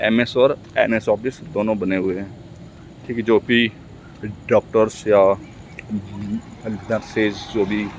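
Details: Stuttering in an adult male Hindi speaker practising speaking, with word repetitions.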